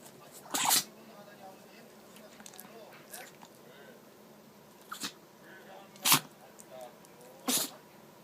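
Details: Chihuahua sneezing persistently after pressing its nose into the carpet, apparently inhaling something fine: four short, sharp sneezes over about seven seconds with faint snuffling between; repeated sneezing.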